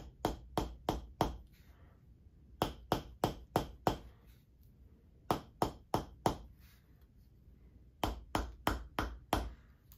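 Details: Bursts of four to six quick, sharp taps separated by pauses as a chiropractor's adjusting hammer loosens a patient's shoulder blade in a scapula adjustment; patient has work-related elbow and wrist issues: adjusting hammer tapping.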